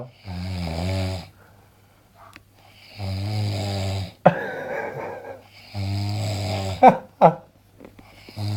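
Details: Sleeping man snoring very loudly: deep, rattling snores about every three seconds, each about a second long, with brief snorts between; snoring.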